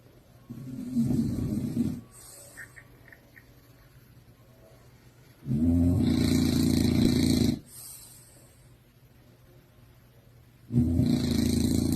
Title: Who snores like this!!!??